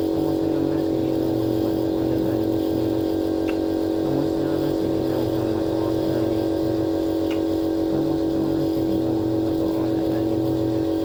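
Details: Nebulizer compressor running during a breathing treatment for Maryam, given for a cough: steady mechanical buzzing hum throughout, with faint background sounds.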